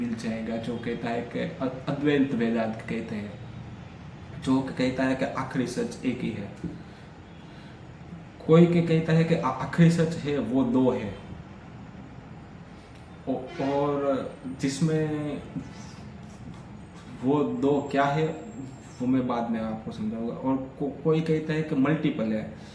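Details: Stammering in an adult man on day 3 of a daily fluency practice routine, during continuous speaking practice for fluency.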